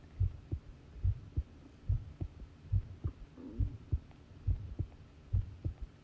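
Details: Long-duration heartbeat recording: regular paired low lub-dub thumps, about 70 beats a minute, steady and clear over a faint hum.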